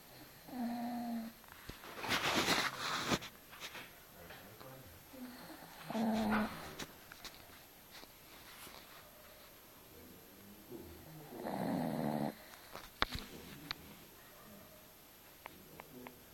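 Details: Sleeping dog snoring: irregular, rough snorting snores with quiet room noise between breaths.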